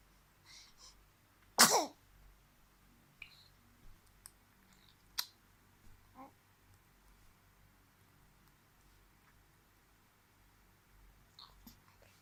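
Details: She sneezes, then smiles as she always does afterwards; sneeze.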